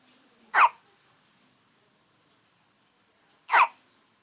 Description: El hipo de un bebe, despues de haber tomado su respectivo biberon.